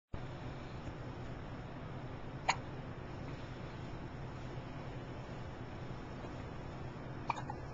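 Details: Hiccups recorded October 27, 2008: two brief, sharp hiccup sounds several seconds apart in a quiet room.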